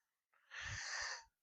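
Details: Livestreamer with a single noisy, hissing breath with a faint whistling edge; wheeze.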